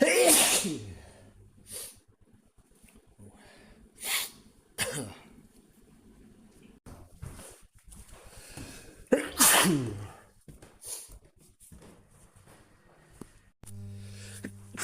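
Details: Male, not ill and outside allergy season, recorded on a smartwatch: several separate sharp, ordinary random sneezes of varying force with quiet gaps and faint background hum.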